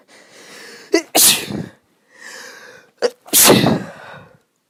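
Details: Female with an itchy nose while recovering from an illness: two sneezes, each a quick catch of breath then a loud burst, with sniffing between. She tried stifling them, which worsened the tickle.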